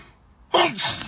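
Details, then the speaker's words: Person with hay fever on about the seventh sneeze in a row: a quiet pause, then one sudden loud sneeze burst; single sneeze. "Well, I've just sneezed about six times in a row. This is about to be seven."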